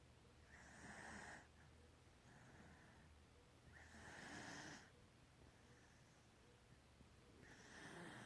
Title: Snoring Bayleigh 10/27/16